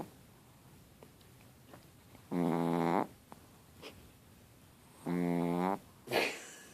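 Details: Two loud, buzzing snores roughly three seconds apart in a quiet room, with soft snuffles between; a Chihuahua snoring in sleep.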